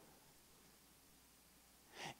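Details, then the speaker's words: A single short, soft sneeze from an audience member during a live talk rises out of quiet room noise near the end; sneeze. "You didn't hear that up there, but it was a really cute sneeze. That kind of got my, it was one of those like, achoo."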